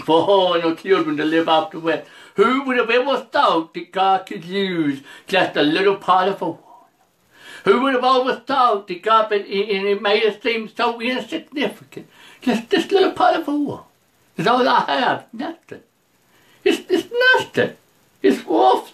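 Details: Preacher who says he has a speech impediment, can't see straight, hears poorly and can't get out unless someone drives him; speech impediment.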